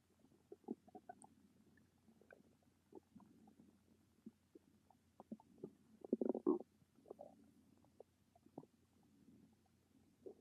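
Irregular soft gurgles and squelches with a louder gurgling burst midway; ordinary stomach rumbling.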